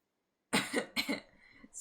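Two quick dry cough bursts followed by a breath out, in an adult with COVID.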